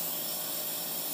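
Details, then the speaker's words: Steady hissing, rushing noise of a nebulizer giving hypertonic saline, the second nightly treatment of a 25-year-old with cystic fibrosis, lung function 25%, on the double lung transplant list; nebulizer running. "so this is my second treatment for the night this is my hyper cell which as I told you earlier is my uh salt"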